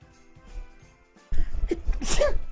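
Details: Sneeze from an adult male streamer during a live stream: sneeze.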